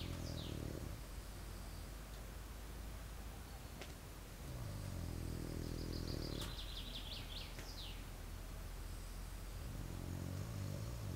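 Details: Snoring in a tent during army service: low rumbling snores roughly every five seconds against outdoor noise with birdsong.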